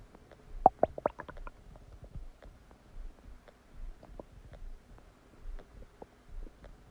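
Irregular gurgles, squeaks and soft rumbles of active bowel sounds; ordinary digestive noises after a meal.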